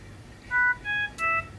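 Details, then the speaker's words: Philips Respironics Trilogy Evo home ventilator, test lung disconnected from the circuit: three-tone chiming audible alarm with light bar flashing; ventilator disconnect alarm. "we get an audible alarm and we get the light bar along with the flash here"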